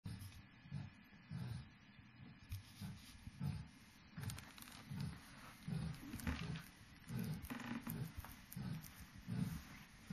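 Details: Sleeping dog snoring very loudly, with deep, rumbling snores repeating in rough rhythm with each breath and a faint background hiss; ordinary snoring.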